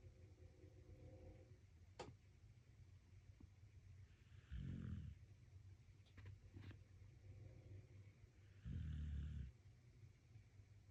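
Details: Dog snoring soundly while asleep: two soft, low snorting snores about four seconds apart over quiet room noise and a few clicks.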